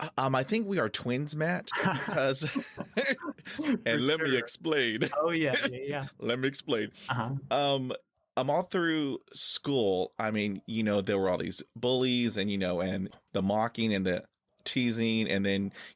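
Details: Stuttering in an adult man who has stuttered since childhood and says he uses filler words to get past blocks.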